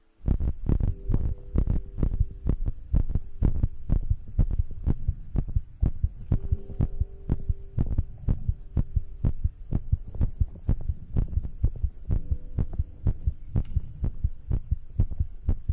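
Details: Own heartbeat recorded as ASMR for sleep: strong, regular low thumps at about 125 a minute with a faint steady hum behind them.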